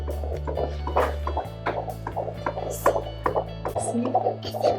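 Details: Rapid, steady whooshing beats at about 150 a minute over background music: normal fetal heartbeat on Doppler at a 16-week, second-trimester antenatal midwife appointment.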